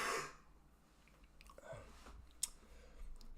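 A single harsh cough burst opens the clip, followed by quiet breathing and faint clicks in a quiet room; an adult cough with a cold.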